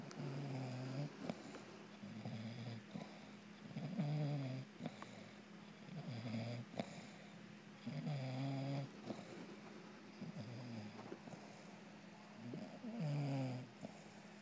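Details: Female bulldog snoring loudly while sleeping cuddled with her owner: rhythmic, low, rattling snores, about five in fourteen seconds, over a steady background hum.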